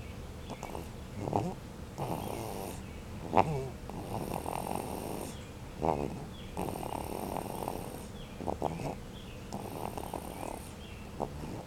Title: Snoring Daisy